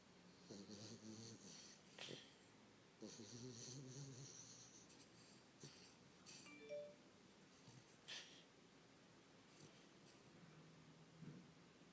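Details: A 5-year-old, slightly overweight female Chihuahua in deep sleep snoring: rhythmic, low, rattling snores with faint room noise.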